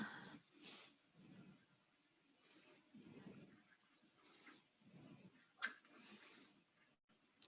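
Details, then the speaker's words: Pulsed Doppler mitral inflow in a mouse, recorded non-invasively with the Doppler Flow Velocity System probe approached from the top because the heart sits in an unusual position: repeated soft whooshing pulses with faint clicks, a nice mitral signal. "so again these mice their hearts are apparently not in the regular position that we're used to seeing so we're getting quite a nice mitral signal there"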